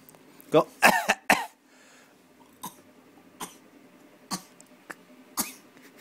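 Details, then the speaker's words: A small girl, asked to do her fake cough, gives a cluster of short, deliberate coughs followed by a few softer isolated coughs; voluntary fake cough. "No fake coughing. Why are you fake coughing?"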